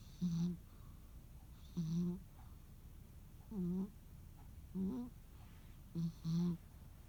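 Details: Sleeping rescue cat on a quiet holiday afternoon: short droning, buzzy tones recurring every one to two seconds over steady room hiss; snoring.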